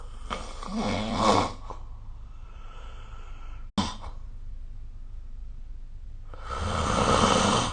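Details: Snoring during sleep recorded with the SnoreLab phone app: two long, rough, rattling breaths about six seconds apart, quiet between, roughly ten breaths a minute.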